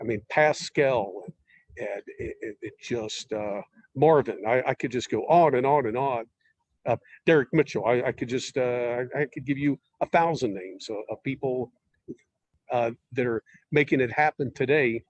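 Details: Stuttering in an adult man who uses word substitution and sentence starters and blocks on certain words.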